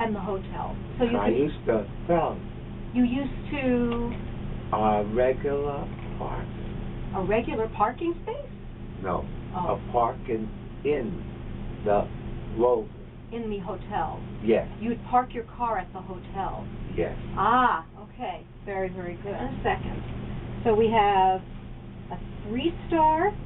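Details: Two adults talking in a small room; conversational speech.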